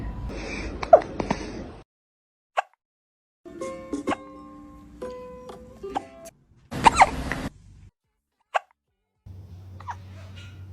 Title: Kitten hiccups.🥹#cutecat #cute #funnycats #cat #cats #funnyanimals